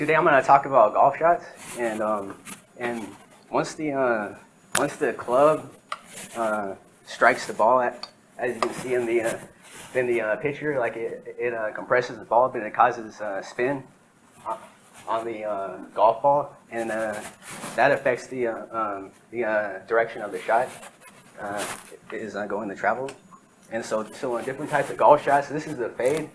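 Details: Adult man with lifelong stuttering, present as long as he can remember; real speech from his own 2013–2019 recordings. Finding: stuttering.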